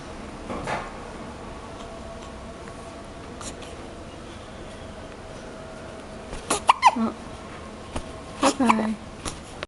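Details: Three-week-old baby girl, same day as tuberculosis vaccination, in a quiet room, a few short sharp catching sounds, some with a small squeak; infant hiccups.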